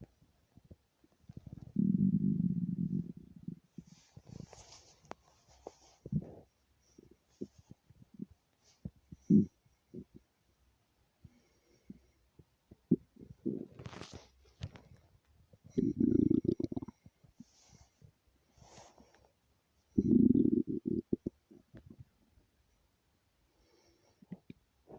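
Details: Low gurgling rumbles in bursts with scattered small pops and clicks: ordinary stomach rumbling, bowel sounds (borborygmi).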